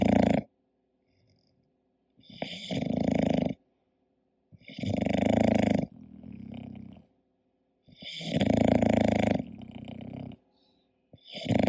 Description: hii, it's Koda, my english bulldog sleeping and snoring, this relaxing video and sound is for everyone and obv for bulldog lovers!